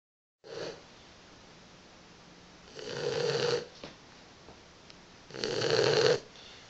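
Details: Boxer puppy napping with rasping, fluttering snores on each breath about two and a half seconds apart, quieter breathing between; she snores quite a bit; snoring.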